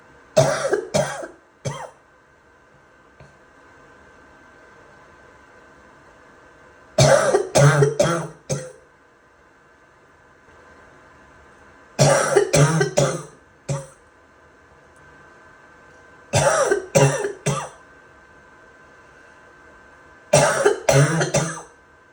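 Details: Five bouts of harsh, loose coughing, three or four coughs each, over a steady background hum; wet barking cough.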